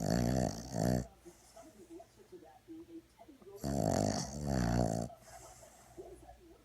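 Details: Four-month-old Boston terrier puppy in deep sleep, loud rumbling snores in two quick bursts, then quiet snuffly breaths before the next pair; snoring.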